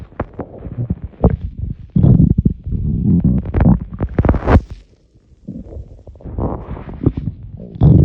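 Loud low gurgling and rumbling from the belly in irregular bursts, stomach rumbling after swallowed air.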